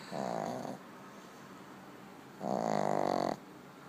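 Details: Snoring in a sleeping pet dog: two loud, rattling snores with a quieter breath between them; ordinary snoring.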